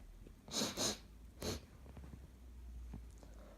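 Three quick, sharp bursts of air, the first two close together, over a steady low hum: sneezing.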